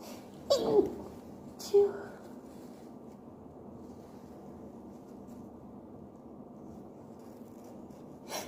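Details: Person with a cold, possibly hay fever; two sharp sneeze bursts close together, then quiet and a faint third burst; a sneezing fit.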